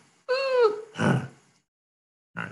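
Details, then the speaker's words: Imitated dog breathing in laryngeal paralysis during endoscopic laryngeal evaluation after doxapram: high wheezy inspiratory stridor, then rough guttural fluttering on expiration from the cords; fluttering may precede overt stridor, suggesting early laryngeal paralysis (not confirmed). "All right, so that fluttering sound, very often they'll come in before they get to the stridorous point and have that sound just walking down the hallway"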